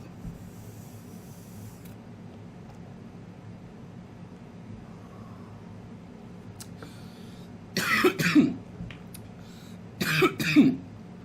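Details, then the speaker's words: Adult man, cannabis vape review of a strawberry-flavoured cartridge he says burns hot: quiet breathing, then two harsh coughing bouts of two or three coughs each; irritant cough after inhaling vapour. "There are those baby lungs in action. Burns hot."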